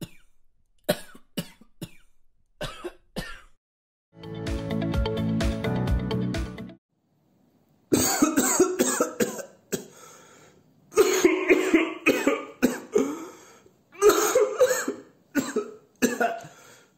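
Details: Compilation of coughs from 14 COVID-19 positive people, including a dry cough and an asymptomatic person's cough: repeated short, harsh cough bursts with a brief stretch of music; not distinguishable by sound alone.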